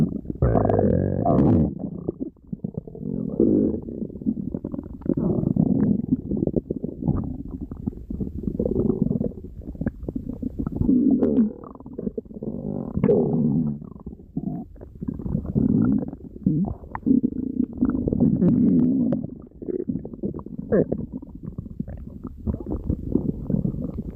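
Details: Large cat, a tiger, with loud stomach growling: low, gurgling rumbles in repeated waves; borborygmi.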